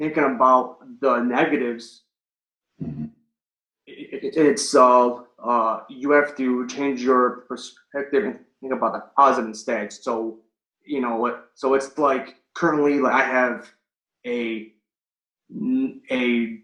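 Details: Adult male firefighter paramedic and Marine Corps veteran, stuttering since third grade, recorded before starting stuttering coaching (stuttering).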